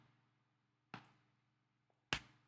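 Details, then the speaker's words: Two sharp, dry pops about a second apart over a low room hum: the speaker's own shoulder joint popping. "Anyway, that noise is my shoulder popping. That's pretty cool, right?"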